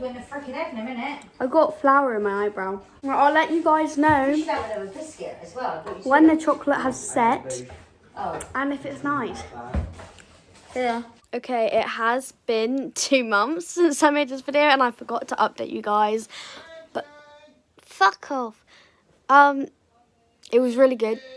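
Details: Tourette syndrome with vocal tics occurring throughout, including violent or aggressive tics.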